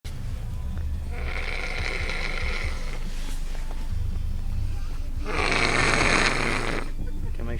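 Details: Boy asleep in the back seat of a car, snoring: two long, rasping snoring breaths over steady car engine noise.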